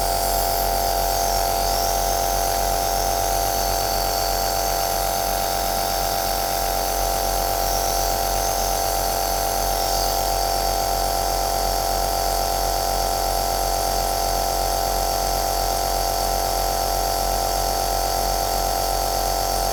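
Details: Aerosol nebulizer compressor running, recorded as white noise in a small room: steady mechanical hum and buzz, continuous throughout.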